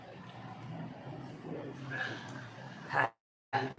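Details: Man with uvula deviation from a neurological deficit after stroke or head injury, before stimulation treatment, producing his maximum sound on request; severe dysphonia (near-aphonic voice).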